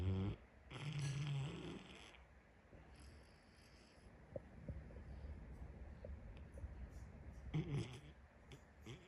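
Low, rumbling snores on breaths from a large dog, with a steady low hum between them.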